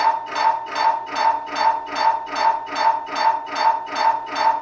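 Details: Steady, fast, regular buzzing pulses of an MRI scanner sequence, about 150 a minute, over a constant underlying tone; sample MRI sounds to help patients, including children, prepare for the noise.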